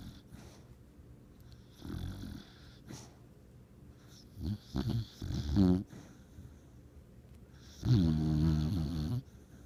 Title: Snoring dreaming dog